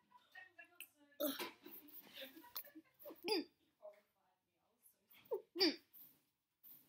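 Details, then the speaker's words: Vocal tics of Tourette syndrome, three days after stopping Catapres medication: bursts of abrupt vocal sounds, throat noises and short yelps in irregular runs, including repeated "blood blood". "blood blood okay so that was a video of the kicks i was having the day i got my original mouthpiece that was three days after i went off of my medication"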